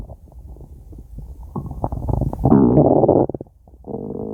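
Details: Stomach growling (borborygmi): low gurgling rumbles rising into a loud, bubbling, drawn-out growl with a brief pause, a normal gut sound.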